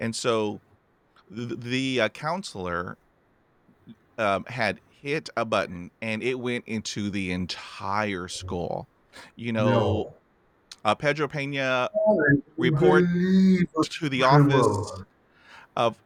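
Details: Adult male former Welsh rugby player with a lifelong, debilitating stammer since about age 5-6, with blocks and more speaking difficulty under pressure; real, not acted; stuttering (stammering).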